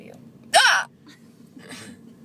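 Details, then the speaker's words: A single sharp, abrupt, voiced gulping catch against quiet room background, from someone who has had hiccups for about 30 minutes, some of them in a store; hiccup. "i'm recording my hiccups these are my legit hiccups aren't they you guys yes i've had them for like 30 minutes or something now insane"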